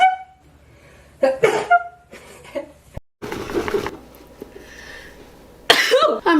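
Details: Young women YouTubers sneezing: short explosive bursts, cough- or sneeze-like, mixed with brief talk and room noise; a few coughs.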